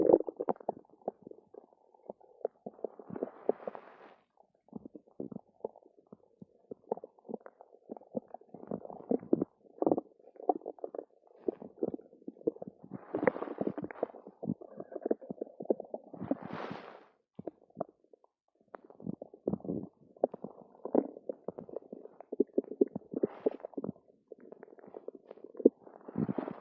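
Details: Adult's loud stomach rumbling (borborygmi) after drinking two cartons of yogurt: near-continuous gurgling and bubbling abdominal rumbles.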